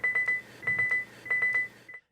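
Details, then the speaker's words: LUCAS mechanical CPR device: piston extended too far on a patient too small for the device triggers three short groups of rapid high beeps, an alert that the device cannot work properly. "if the patient is too small and you extend the Piston too far you will hear this sound this means that the patient is not big enough for this device to work properly"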